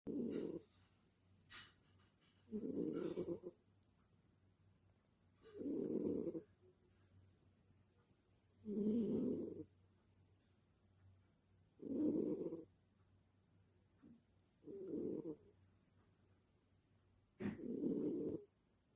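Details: Sleeping pet snoring like a person: regular low rumbling snores on each breath, about 20 a minute, with quiet gaps between.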